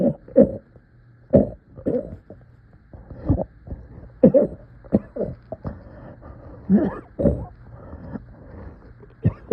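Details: Repeated short, strained coughs in irregular clusters over about ten seconds, sounding effortful and painful; coughing in much pain.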